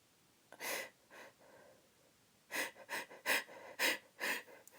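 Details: Uncovered sneezes from a woman trying to hold them back: one partly stifled sneeze, then a rapid run of five sharp, explosive sneezes.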